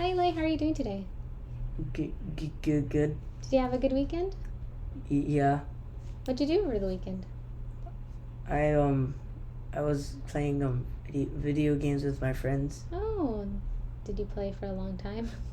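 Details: Clinician deliberately fake-stutters during fluency therapy to demonstrate voluntary stuttering, placing small repetitions or prolongations where she chooses; voluntary stuttering (simulated stutter).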